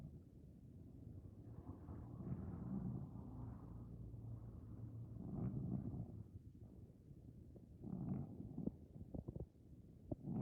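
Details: Sleeping Maine Coon cat aged 15+, snoring and dreaming: soft, low rumbling breaths with faint snuffles and a few small clicks; quiet snoring.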